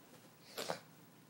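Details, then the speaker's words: Person with running nose who reports having allergies, sneezing indoors: a single brief, sharp burst of air against a quiet room; a sneeze. "The sneezes are scaring the cat. Darn it. My nose is running so bad."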